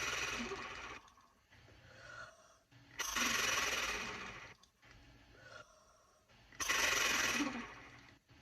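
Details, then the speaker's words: Oscillating positive expiratory pressure airway clearance with a flutter valve containing a stainless steel marble, by a woman with cystic fibrosis. Two long, forceful exhalations with a rapid rattling flutter are separated by quieter in-breaths. "Now this is a nifty little contraption that has a marble in it, like this stainless steel marble in it. And all I do is I put it together like this, and I blow into it, and it vibrates my lungs."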